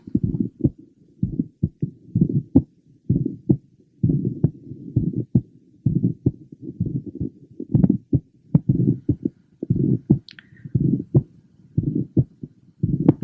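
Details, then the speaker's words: Mitral valve prolapse variant: rapid succession of multiple systolic clicks in the first half of systole rather than mid or late, like flipping a deck of cards or creaking. "note that these rapid uh system clicks occur in the first half of syy rather than in mid or late Cy this rapid succession of clicks can simulate the flipping of a deck of cards or the creaking of new thick"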